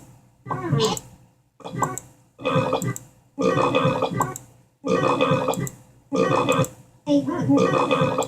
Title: Aliens monster crocodile and lilo burping